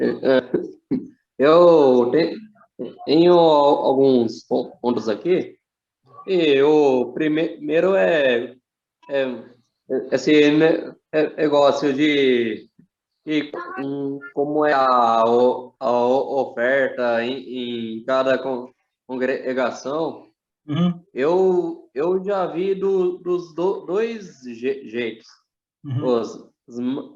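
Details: Adult man speaking Portuguese who says he himself has a stutter; stuttering.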